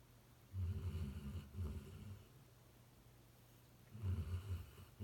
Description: Luce was taking a nap just outside my home office door when his snoring started interrupting my concentration.